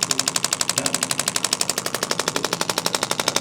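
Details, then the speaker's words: Radial shockwave therapy on a female student's shoulder for pain blamed on carrying a heavy backpack, her first session; rapid, regular sharp percussive tapping, about four pulses a second, like a very strong Theragun slapping the skin. "This is more like a very strong Theragun, so you're feeling that slapping on the skin, and that's even kind of what you're hearing with the treatment as well. You can hear that very percussive pounding back and forth of that instrument."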